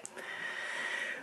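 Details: Laboured breathing from a vlogger who says the problem is in the chest: a single drawn-out, noisy breath with a thin high whistle running through it.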